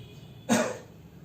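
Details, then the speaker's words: Patient asked to cough once before chest auscultation during lung and thorax examination, to clear mucus and avoid atelectasis: single short voluntary cough. "Before beginning this, ask the patient to cough once"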